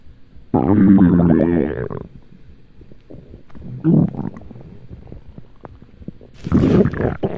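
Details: Loud, low gurgling stomach growls in three bursts with quiet between; ordinary stomach rumbling (borborygmi).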